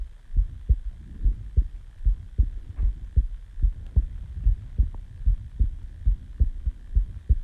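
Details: Own heartbeat recorded just after waking from sleep: steady paired heart thumps at about 74 beats a minute, a normal resting heartbeat.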